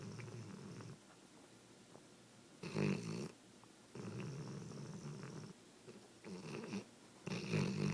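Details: Rhythmic, rough, rumbling breaths on both inhaling and exhaling, recurring every second or two with quiet gaps between; snoring during sleep.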